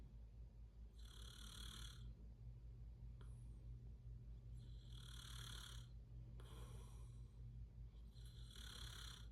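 Three rough, rattling snores on inhaled breaths, roughly every 3.5 seconds, over a steady low room hum. Ordinary snoring.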